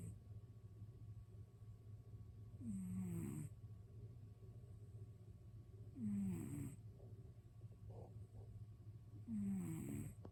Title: cat snoring